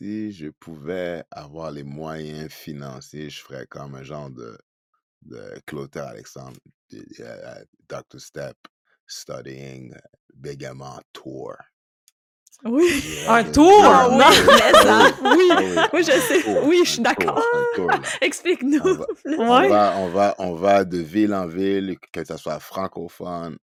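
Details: Adult man who stutters, speaking French in a podcast conversation; he is real, not acting. As a child he rated his stuttering severity 15 on a scale of ten. Finding: stuttering.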